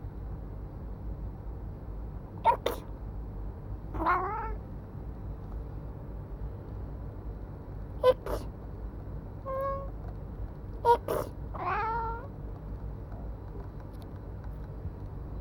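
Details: Three short, sharp, deliberately repeated adult sneezes, each answered by a black cat's meow.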